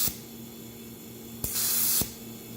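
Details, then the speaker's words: Neptune high-power surgical suction unit set to 20 liters, running: steady hiss with low hum, briefly surging louder and airier for about half a second; surgical suction running at high power. "you see how now it's in the 20 and it's making that noise because I left the other this thing right here it's making noise so if I plug it that's high power"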